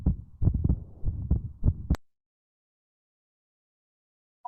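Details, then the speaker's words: Pediatric cardiology teaching on pulmonary stenosis: a systolic ejection murmur, best heard at the upper left sternal border and radiating to the back, with intensity tied to severity. Heartbeat about 98 a minute with a rough whoosh. "e a gente escuta Então esse fluxo de sangue como O sopro é um sopro que ele vai ser nessa sistólico ejetivo"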